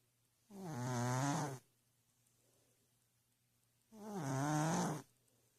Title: The Original Snoring Cat video... Excuse the poor quality. #cat #cats #catshorts #funny